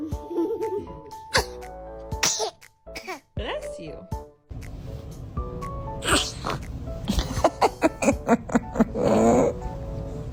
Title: Kids sneezing 😂🤣#baby #funny #fyp #youtube